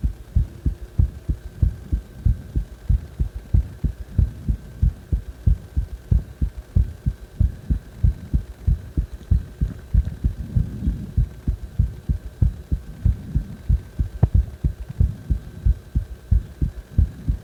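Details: Heartbeat recorded after CPR: steady low heart thumps at about 94 beats a minute, with a faint steady hum behind.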